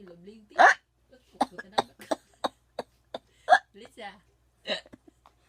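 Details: Mother hiccuping while her baby laughs heartily: repeated short, sharp voiced gulps at irregular intervals between soft vocal sounds; hiccups.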